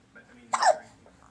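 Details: Baby hiccups: a single sharp, brief voiced hic from an infant in a quiet room.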